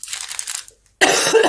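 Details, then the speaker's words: Adult recovering from pneumonia, coughing mostly while talking: one short, light cough, then speech resumes; small residual cough. "Excuse me. If it gets too bad, I'll just pause and do them. But when like this, like small coughs, that's yeah, more work to pause the video"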